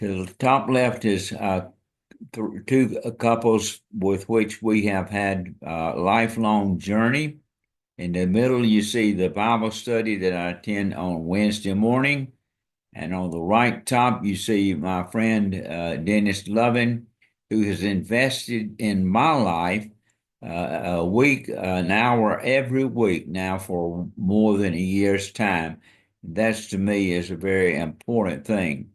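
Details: Dysarthria from ALS in an adult man diagnosed February 2024 after earlier diagnoses of Parkinsonism, Parkinson's disease, spastic paraplegia and primary lateral sclerosis; his walking and speech are failing and hand use is limited.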